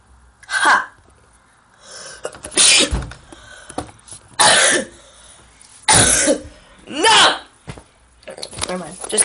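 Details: A run of five or six loud, explosive sneeze-like bursts with short gaps, from a male doing a sneezing challenge with Q-tips in both nostrils, feeling light-headed; induced sneezes.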